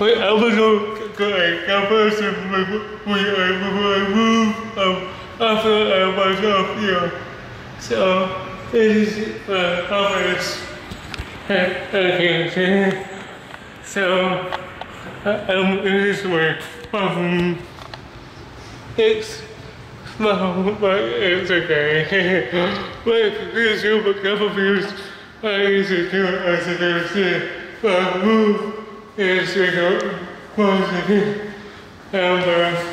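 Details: Male with cerebral palsy who describes having a speech disability; dysarthria due to cerebral palsy.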